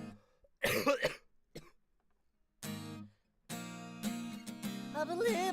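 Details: A cluster of two or three sharp, harsh adult coughs interrupting singing of "I believe" during a live stream, then a brief pause before guitar and sung notes resume.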